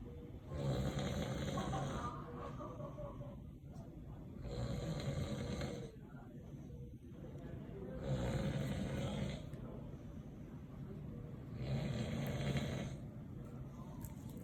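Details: Man snoring very loudly in sleep: loud, rough snores recurring about every 3.5 seconds, roughly 17 a minute, with quieter breathing between them; heavy snoring.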